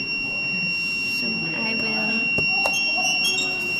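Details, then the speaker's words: Student-built syringe pump prototype; 15 mL of water dispensed with the outflow cut so fluid enters the pressure compartment: continuous high-pitched buzzer over faint clicks as the LED lights, a high-pressure alarm signalling line pressure rise. "and yes it detects some pressure change the LED turns on and the"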